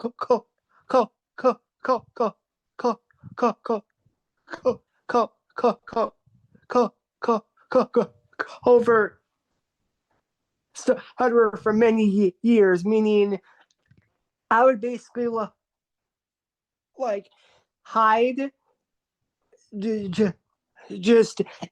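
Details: Adult man, a formerly covert stutterer in a stuttering support meeting, with severe syllable repetitions on 'co-' and repeated blocks; stuttering.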